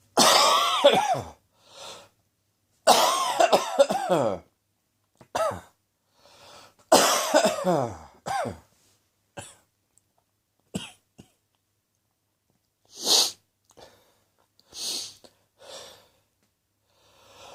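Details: Adult cough on day 3 of a common cold, after sneezing from day 1 and sore throat from day 2: three strong, harsh coughs, each followed by a softer cough, then quieter breaths.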